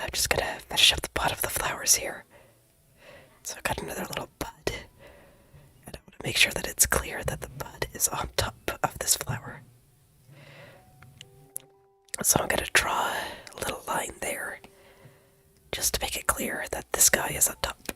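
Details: Female streamer who says she has completely lost her voice, cannot make proper sound and must whisper, with no sound when trying to talk normally; aphonia (whispered speech).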